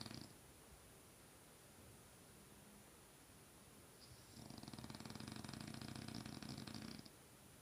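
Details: Sleeping French bulldog snoring: a long buzzing, rattling snore lasting nearly three seconds after a quiet stretch.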